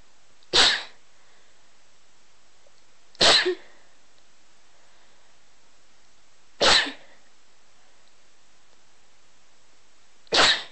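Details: Four sharp, short sneezes spaced a few seconds apart against a quiet background; sneezing.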